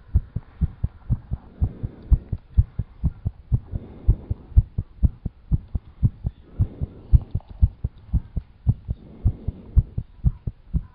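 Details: Strong, fast, regular low heart thumps about 120 beats a minute; heartbeat quickened after exercise such as squats, jumping jacks and running.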